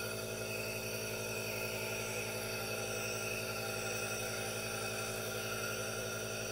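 A steady mechanical hum with even hissing and no breaks, the sound of a running nebulizer compressor.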